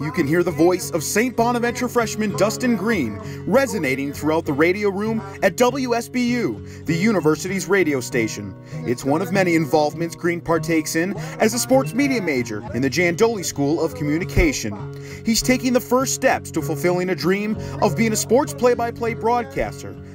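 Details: Adult male narrator; typical speech.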